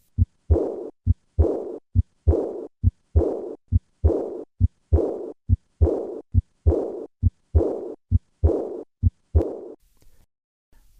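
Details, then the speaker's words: Aortic regurgitation murmur with a pitch similar to respiratory sounds, easily overlooked during breathing and much easier to hear when the patient holds their breath in expiration; breathing is compared with held expiration. "This murmur has a pitch similar to respiratory sounds and can be overlooked unless the clinician listens to the patient in held expiration. Notice how much easier it is to hear this murmur withheld expiration."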